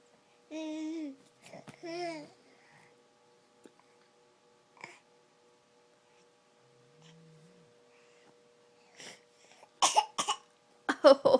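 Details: Young child makes voiced babble-like sounds, then about four short, forced cough bursts, deliberately fake coughing for mom; voluntary (fake) cough.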